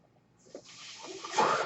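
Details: Man's own mechanical ventilator, heard while he records a podcast: a soft airy hiss builds over about a second into a loud rush of air as the ventilator delivers a breath.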